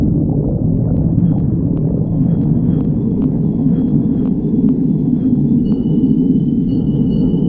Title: Sticks the badger stomach growling 40